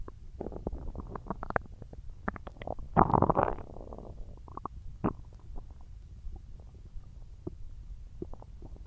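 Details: Bowel sounds (borborygmi).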